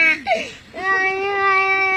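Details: Young child crying in short, high-pitched wails ending in a sustained cry; ordinary crying.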